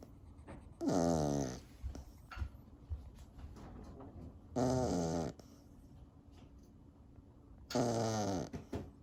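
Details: Corgi, possibly a puppy: three long, loud, drawn-out rattling snoring in-breaths in a quiet room, about 17 a minute; ordinary dog snoring.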